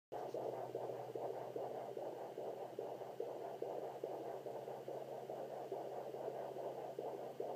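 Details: Fetal heartbeat of a girl at 27 weeks 3 days on a Sonoline B home fetal Doppler: rapid, regular whooshing at about 145 a minute; the baby was moving a lot and kicks near the end.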